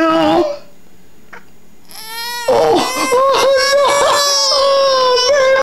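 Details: Baby crying, reportedly at dad's cover of a Michael Bublé song: loud, high-pitched infant crying in sustained wails with brief catches and whimpers, ordinary distressed crying.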